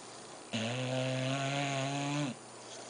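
One loud, steady, buzzing low tone lasting nearly two seconds, vibrating like a snore on an in-breath.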